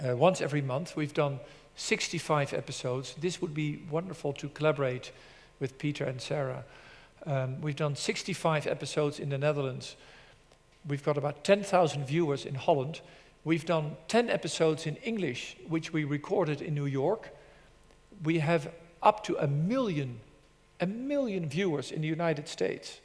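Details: Adult male presenter; normal adult speech.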